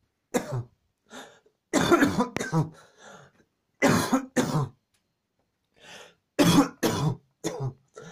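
Repeated harsh coughs in close clusters, about ten over eight seconds, with short quiet breaths between; a coughing fit.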